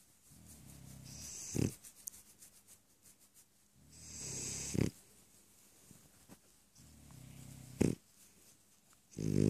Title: Snore snore snore